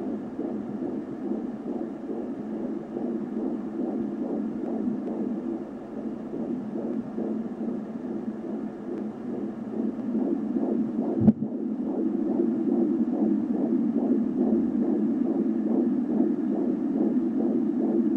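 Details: Fetal heartbeat at 14½ weeks on an Angelsounds home fetal Doppler: rapid, regular whooshing pulses around 140 a minute with a brief bump midway; baby moving a lot.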